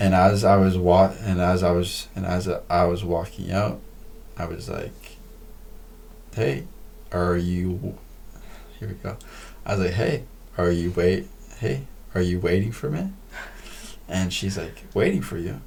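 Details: Man who says he stutters: stuttering.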